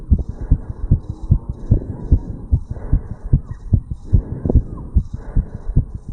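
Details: Rapid heartbeat of a 35-year-old male, recorded at the tricuspid valve area after jogging uphill; fast heartbeat after exercise.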